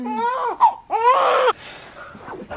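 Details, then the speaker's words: Newborn girl's hunger cry: short bursts of high-pitched crying with rising and falling pitch, then quiet, just before feeding; parents note she rarely cries. "want to see her cry Oh she'll go again I'm so hungry she's gonna eat right now but she was livid storm What's Wrong huh are you hungry girl here she goes"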